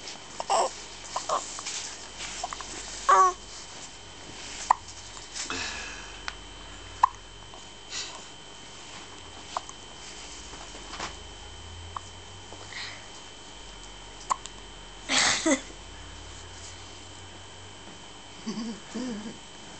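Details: Infant hiccups: brief, abrupt little vocal catches recurring every few seconds amid soft babbling and steady room hum.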